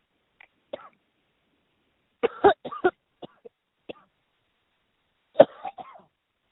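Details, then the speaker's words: Irritant cough in a 20-year-old man reporting live while retreating from tear gas and rubber bullets: several harsh, short coughs and throat clears, a reflex reaction to inhaled tear gas. "so our correspondent john bush is now retreating he is coughing as you can hear as they are shooting tear gas rubber bullets"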